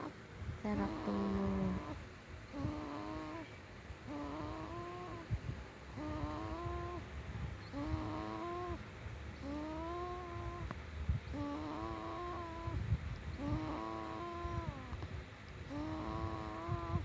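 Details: Regular snoring with a whistling, tonal note on each breath, at about 35 breaths a minute.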